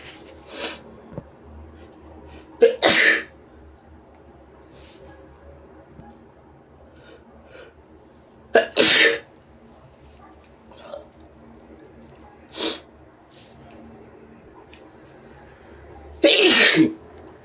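Several separate sharp sneeze bursts with quiet gaps and faint room noise between them; ordinary sneezing.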